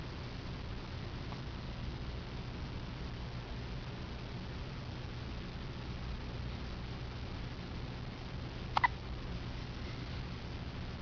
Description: First hiccup